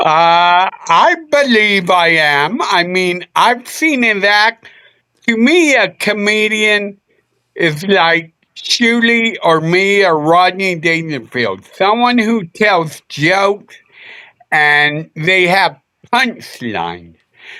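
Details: Adult male with a speech impediment he attributes to a neurological problem: MRI showed an underdeveloped back of the brain, and he hit his head on a dashboard in a car accident when younger; sometimes mistaken for drunk; slurred speech (dysarthria).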